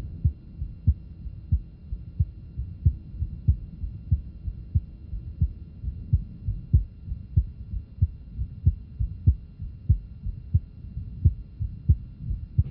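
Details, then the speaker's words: Innocent murmur in an athlete, a football player, which must be differentiated from significant murmurs such as aortic stenosis or hypertrophic cardiomyopathy. "And not uncommon in athletes. It is important to differentiate these from significant murmurs, such as those with aortic stenosis, hypertrophic cardiomyopa"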